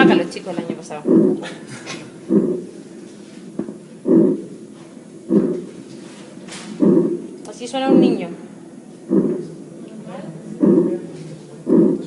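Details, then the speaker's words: Normal breath sounds heard over the lung during auscultation, in both phases of breathing. "normal sian en ambos tiempos en los dos tiempos al final de la inspiración se dan cu"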